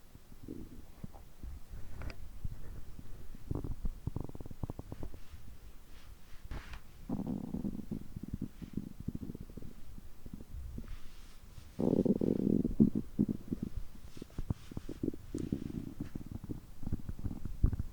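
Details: Stomach growling recorded after overeating, which typically lasts over three hours: continuous low gurgling, rumbling and bubbling with louder groaning surges from digestion.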